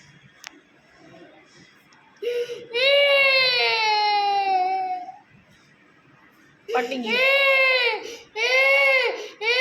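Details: Baby girl crying: three long, strong, high-pitched wailing bursts with gasping breaths between; ordinary distressed infant crying.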